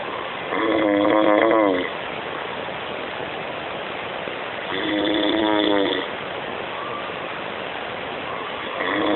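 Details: Dino snoring loudly: rattling snores on each breath, about 14 a minute, with quiet pauses between; heavy snoring.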